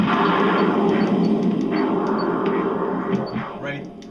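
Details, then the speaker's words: Continuous-wave Doppler at the common femoral region of the leg: a venous signal is heard, prompting the probe to move laterally toward the artery. "there we're hearing a vein so that's telling me since i know the vessels come out from the middle part of the body vein artery nerve more laterally if i hear a vein i'm going to move more laterally"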